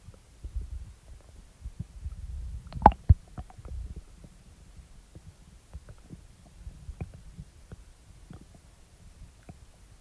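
Low gurgling rumbles with irregular soft squelches and a couple of sharper louder pops, consistent with normal stomach rumbling (borborygmi) after eating.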